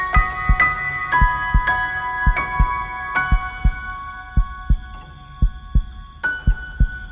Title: Piano Sleep Music, Sleep Meditation, Relaxing Music, Meditation Music, Spa, Study, Heartbeat sound